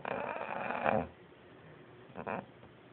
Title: Loudest snore ever